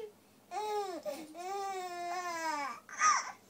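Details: Baby reacting to fake sneezes: two drawn-out, voiced infant wails with a breathy burst at the end, fitting a brief infant cry or fussing vocalization.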